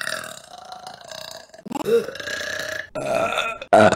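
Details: Burping compilation clip: several loud, drawn-out voiced belches in a row, separated by short pauses; ordinary burping.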